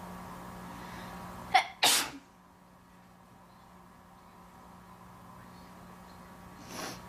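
A quick intake followed by one sharp, explosive sneeze, then quiet and a faint exhale; a single ordinary sneeze.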